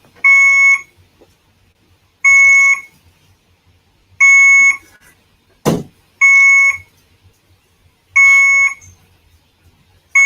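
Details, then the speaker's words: Infusion pump alarm at a hospitalized patient's bedside: loud, regular high-pitched electronic beeps, about 30 a minute, each about half a second, from the patient's drip, in a quiet hospital room. "when i did my last update there are nurses in here that i just had my my drip was beeping and they fixed it"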